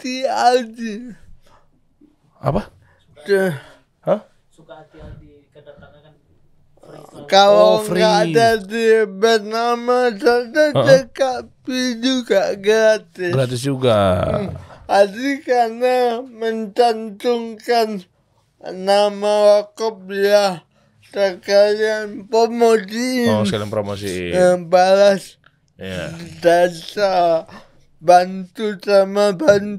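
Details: Adult man born in 1987 with severe cerebral palsy from birth, attributed to a birth injury during a breech delivery; he could not walk until age 9; speech possible but unclear; dysarthria (cerebral palsy).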